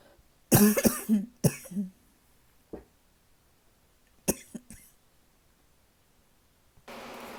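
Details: Persistent cough keeping the person awake at night for days: two bursts of harsh coughing, a few coughs each, with quiet gaps between.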